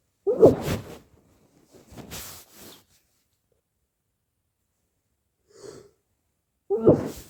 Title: sneezing fit and nose blows